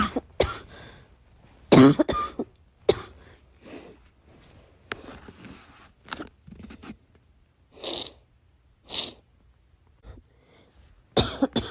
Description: I had a coughing fit in the middle of the night. I needed to cough, but I couldn’t make too much noise.